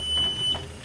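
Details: Short high-pitched electronic beep over low machine hum as a Philips Everflow home oxygen concentrator is switched back on after its humidifier bottle and tubing are attached; a normal start-up signal.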